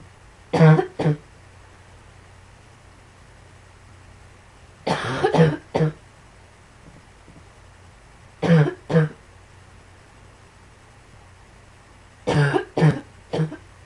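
Four bouts of coughing, each with two or three harsh bursts, about eleven coughs in all. Repeated coughing.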